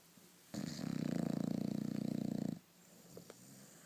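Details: Bulldog asleep: one long, fluttering, rattly snore lasting about two seconds, then quiet breathing; snoring.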